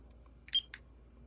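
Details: Short high beep then a click as a medical-grade fingertip pulse oximeter switches on to measure, compared against a Galaxy Fit 3 smartwatch reading 99% SpO2 and 70 bpm; oximeter then reads 97% and 76 bpm.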